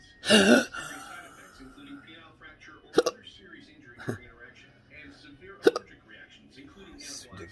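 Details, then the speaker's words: Adult in a cancer study with intractable hiccups and choking spasms, episode since 4:45 a.m. and worsening: a loud throaty catch, then several abrupt sharp hiccup bursts at irregular intervals in a quiet room; persistent hiccups. "I know that the hiccups will probably stop before I get there because they like to stop for doctors"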